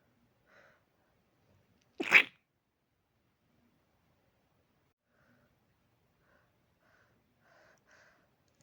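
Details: Person trying to sleep: a single sharp, explosive sneeze in a quiet room, followed by faint soft sounds; sneeze.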